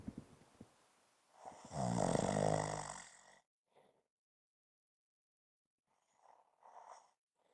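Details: Adult snoring: one loud rattling snore on breathing in, then quiet, then softer snuffling breaths.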